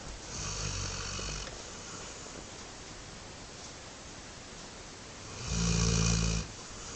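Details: Sleeping dog snoring: two loud, low, rattling snores separated by quieter breathing.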